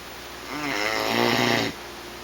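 One loud, buzzing snore on a breath lasting about a second; ordinary snoring from vibration in the throat during sleep.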